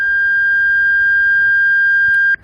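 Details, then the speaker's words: Training demonstration of an automated external defibrillator: after checking that no one is touching the patient, the shock button is pressed; a steady high electronic tone of about two seconds cuts off abruptly to signal shock delivery, then CPR resumes. "한계 근력이 그를 합니다 한다 그가 환자와 접촉한 사람이 없는지 다시한번 확인 1부 전기충격 버튼을 누릅니다"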